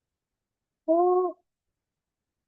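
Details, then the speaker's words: Female child with croup (subglottic obstruction) and high-pitched barking cough: two harsh, musical crowing tones, each about half a second, on breathing in; inspiratory stridor. "Superglotic with with an expiratory snore and subglottic with an inspiratory strider."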